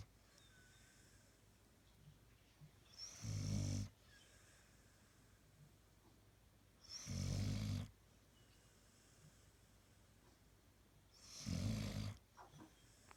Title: Snoring Dog Zukey TAKE 1